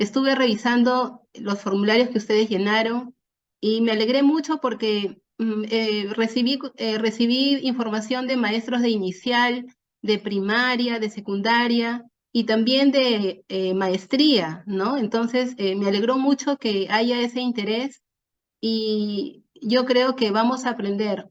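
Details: Adult woman speaking Spanish; normal speech.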